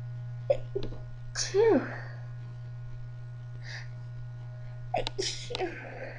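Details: Eight half-stifled sneezes, each a quick sharp burst after a brief catch of breath, over a steady background hum.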